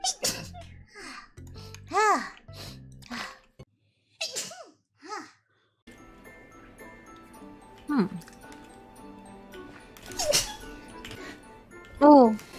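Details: Female streamer sneezing during a live game stream: high-pitched squeaky sneezes with short voiced gasps before them, over background music; ordinary sneezes in a playful voice, followed by an apology.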